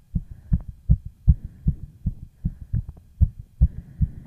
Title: FAST HEARTBEAT COMPILATION